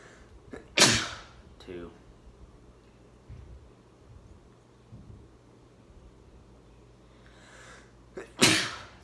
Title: Sneezing Challenge!! 3/10